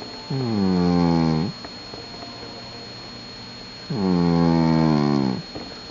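Two long, loud, droning, rumbling breath sounds with quiet pauses between, about ten breaths a minute; a cat's loud snoring.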